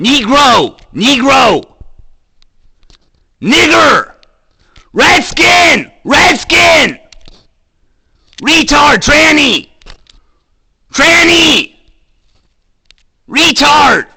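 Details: Man with Tourette syndrome demonstrating his real tics of repeated shouted involuntary slurs; Tourette syndrome vocal tics with coprolalia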